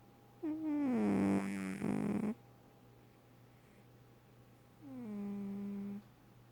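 Two loud buzzing breaths with a falling, droning pitch, separated by a quiet pause: a sleeping cat snoring.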